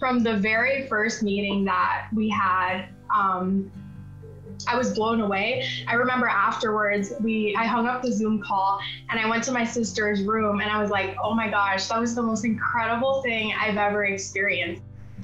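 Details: Adult female speaker; no disorder.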